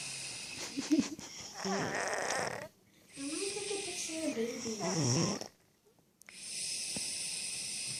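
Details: Sleeping baby snoring: soft, rough snoring noises with each breath, with a steady room hum between them.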